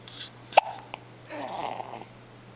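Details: Newborn girl, less than twelve hours old, lifting her head, with her first hiccups: a sudden sharp hiccup click followed by a brief baby vocal sound in a quiet room.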